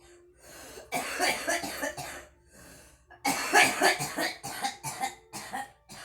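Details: Girl smoking and coughing: two bouts of harsh, rapid coughing, each several hacking bursts in quick succession with brief breaths between.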